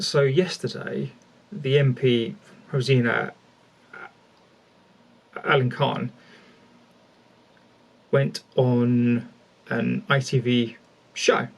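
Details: Adult male speaker; stuttering.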